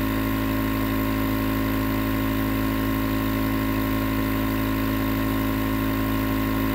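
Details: Nebulizer compressor running as white noise for sleep: steady droning motor hum with faint rapid buzz; continuous nebulizer running sound.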